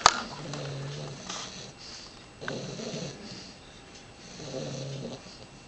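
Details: Two sleeping English bulldog puppies snoring: soft, rattling snores on each breath, about 30 breaths a minute.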